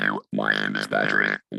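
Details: Electrolarynx speech demonstrated with a clear intraoral tube placed in the corner of the mouth: a steady mechanical buzz shaped into speech, a flat robotic voice.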